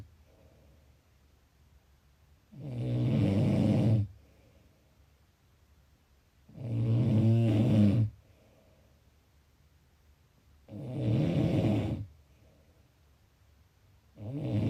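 Loud, low rattling snores on each breath in, about 15 a minute, with quiet pauses between: ordinary snoring.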